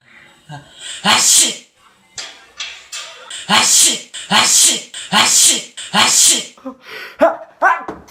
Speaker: Here are some examples of my family and friends' sneezes.